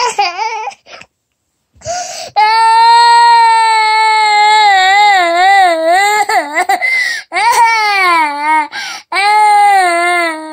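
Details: A 2-year-old (28-month-old) child protesting going to sleep cries in loud, sustained, wavering wails with brief catch-breath pauses: toddler crying.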